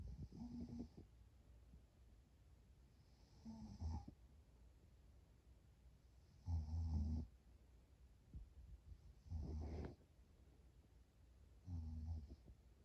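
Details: Adult snoring loudly while tired during a short nap, with sleep apnea; loud, low rumbling snores recur every few seconds, about 23 a minute.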